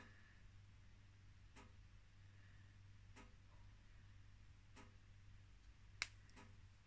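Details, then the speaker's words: In a quiet room, a single sharp click near the end from the wrist joint, described as healthy, among fainter regular drip-like ticks; wrist joint clicking. "Don't know if you could hear that, but that was my wrist clicking. Nice and healthy."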